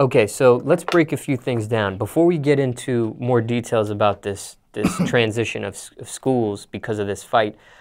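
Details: Adult man speaking; Normal adult male speech.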